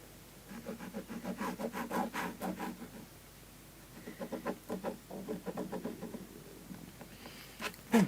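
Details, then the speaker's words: Adult woman's stomach rumbling heard while she talks through a sewing demonstration; borborygmi. "gosh, excuse me. You can hear my stomach rumbling."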